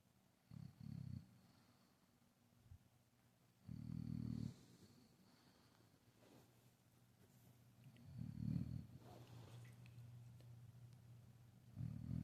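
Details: Sleeping dog snoring: loud, rough snorting snores in bursts, with quieter rumbling breathing in between.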